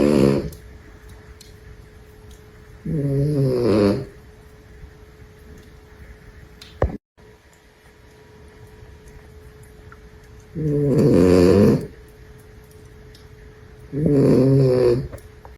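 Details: Snoring from a tiny pet said to snore like the big dogs: loud, rattling snores about every three to four seconds, quiet stretches between, low room hum.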